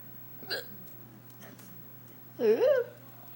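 A single sharp hiccup-like gulp, followed by a brief vocal sound, against quiet room noise; consistent with hiccups.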